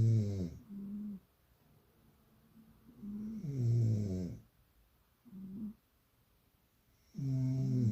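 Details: Rhythmic, low, buzzing snores about 16 a minute, alternating louder and softer bursts; a cat said to snore only when its owner snores, so possibly two sleepers; snoring.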